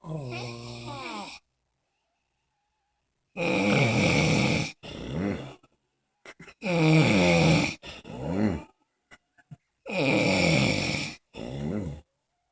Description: My boo snoring